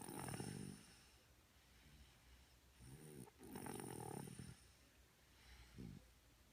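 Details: Soft rumbling snores from a sleeping dog, several breaths with quiet pauses between them; ordinary sleep snoring.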